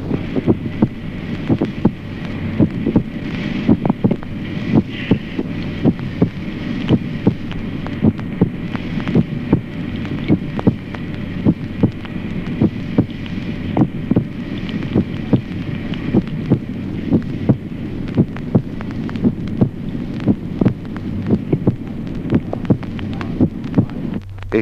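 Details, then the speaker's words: Normal adult heart sounds on auscultation: regular beat with a dull first sound and a clear second sound. "Ejemplo primero, signos occultatorios normales en el adulto. Primer ruido, sordo. Segundo ruido."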